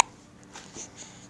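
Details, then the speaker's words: An infant just out of the bath with hiccups: a couple of soft, brief catching sounds in a quiet room. "so somebody has hiccups now wait what are you doing with them hiccups"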